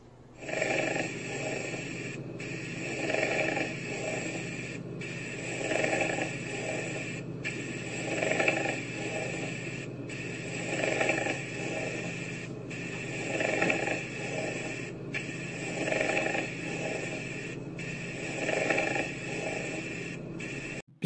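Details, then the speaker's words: Pleural friction rub on lung auscultation: rhythmic coarse creaking, grating sounds with each breath, like tiles rubbing together, as inflamed pleural membranes rub, typically heard in pleurisy. "bu zarların birbirine sürtündüğünü ortaya çıkan bir sürtünme sesi ir Arkadaşlar aynı zamanda kiremitlerin birbirine sürtünmesine benzer bir sestir genellikle plevrit yani plevra zarlarının iltihabı gibi hastalıklarda duyulur işte plev frotman sesi"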